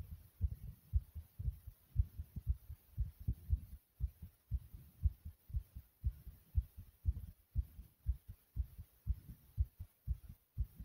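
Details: Rapid heartbeat with heavy breathing after a lot of running in place; fast, regular heartbeat near 118 a minute with faint heavy breathing in the background.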